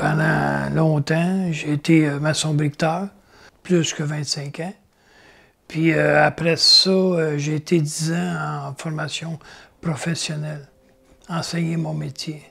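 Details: Adult with aphasia after a stroke that left his right side paralysed; aphasia.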